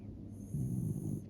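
A single soft, low, fluttering snore on one breath in a quiet room; a dog snoring in sleep.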